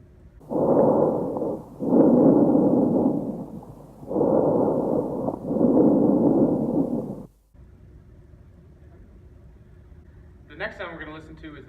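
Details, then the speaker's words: Normal bronchial breath sounds heard by stethoscope over the upper airways near the trachea on a volunteer taking deep open-mouth breaths; loud, hollow, harsh, with expiration longer than inspiration (ratio 1:3). "alright so now we're gonna do is we're going to go ahead and listen to the bronchial breath sounds which are heard in the upper Airways close to the trachea"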